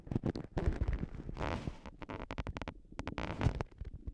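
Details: Stomach noises from someone recently sick and vomiting: irregular gurgles, squeaks and bubbling rumbles from the belly, bowel sounds from gas and fluid moving through the gut.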